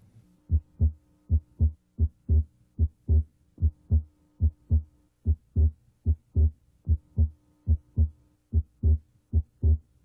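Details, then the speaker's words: Heart auscultation with stethoscope diaphragm at the left second interspace during deeper than normal breathing: abnormally wide splitting of S2 that comes and goes with respiration. "try to hear splitting of s2 here it is abnormally wide it comes and goes with respiration"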